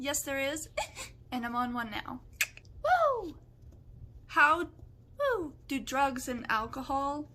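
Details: Vocal tics of Tourette syndrome in an adult, including involuntary noises, words and swearing.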